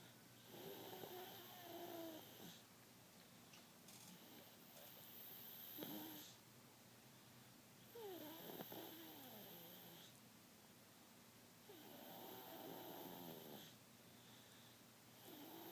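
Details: Soft, regular snores with whistling nasal tones about every four to five seconds over steady room hum: snoring.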